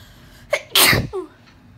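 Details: Uncovered allergic sneezing fit after dusting: a quick indrawn breath, then one loud explosive sneeze and a brief trailing voiced sound. Single sneeze.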